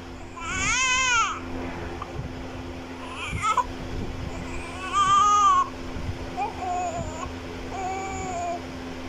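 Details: Short bursts of high-pitched newborn crying with whimpers between, over steady room hum, while an adult makes shushing sounds.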